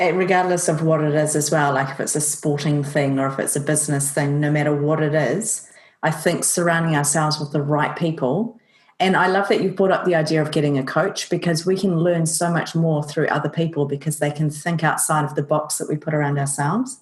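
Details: Adult speakers in conversation; normal conversational speech.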